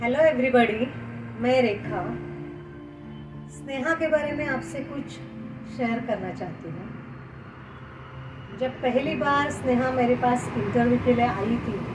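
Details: Adult woman speaking; normal fluent speech.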